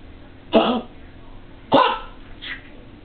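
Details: Dog with kennel cough (Bordetella): two harsh, dry cough bursts and a fainter third.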